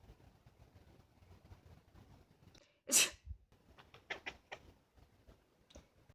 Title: Anche i gatti fanno "quack" || My cat quacks when i sneeze.